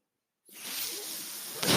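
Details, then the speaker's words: Podcaster's own mechanical ventilator heard while he talks: after brief silence, a steady airy hiss of delivered air rises into a louder rush at the end of each breath cycle. "That noise you're hearing is my ventilator."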